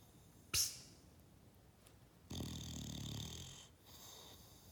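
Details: Bulldog snoring loudly during a nap: a sharp snort, then a long rattling, wheezy in-breath snore.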